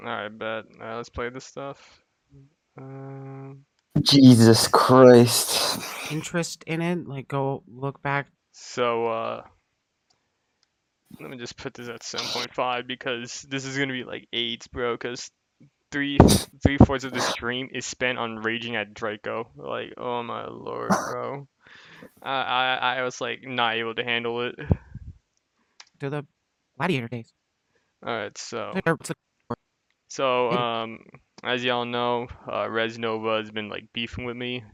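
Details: Adult male speaker; typical speech.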